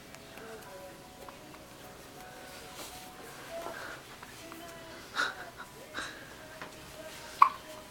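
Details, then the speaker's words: Baby boy with hiccups: repeated short, sharp catches over soft background music. "Oh, it's a big one. What do you think, KG? Does he have the hiccups?"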